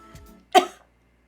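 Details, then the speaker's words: Cough from a person who has felt under the weather for the past week, with sneezing and a voice still affected by the illness. "So this past week I was feeling quite under the weather as you can probably still hear in my voice."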